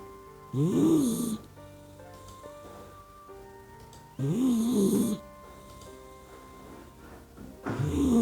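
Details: Slow rumbling snores, about 16 a minute, from a sleeping puppy dog, over soft background music; ordinary sleep snoring.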